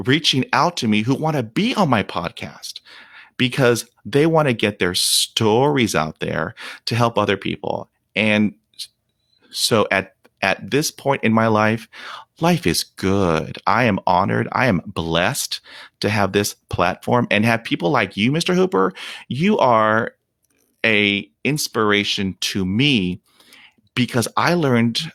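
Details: Real, unedited speech of an adult man who stutters. Onset was at age five, when shock/trauma from a German Shepherd attack dropped his fluency to 0%. He reports blocks in which he turns red and stops breathing. Stuttering.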